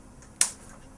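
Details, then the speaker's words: Single sharp click as current passes through the TMS coil over the head, felt as a light tap on the head; normal transcranial magnetic stimulation pulse sound. "vas a oír un click, un sonido con un click, que es cuando la corriente pasa por esta bobina y vas a notar como si te diera un golpecito en la cabeza, pero el cerebro no siente nada."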